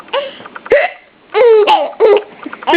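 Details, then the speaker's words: Infant son with hiccups alongside his parent, also hiccuping: short voiced catches with sudden onset, each followed by a brief cry-like sound; also his first full giggle, and gas is suggested. Hiccups. "We both got the hiccups? Oh, you got gas. This is your very first full-on giggle. You poor thing, you have the hiccups too."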